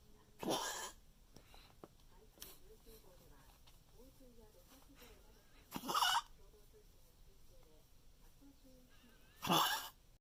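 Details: Three harsh, forceful coughs with faint whimpering from a small dog, a recurrent coughing attack; previously had fluid in the lungs, now cleared, on one oral medication.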